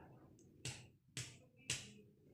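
Three short, flat finger-percussion taps on the chest that die away quickly without ringing: a dull percussion note over the heart, a normal finding.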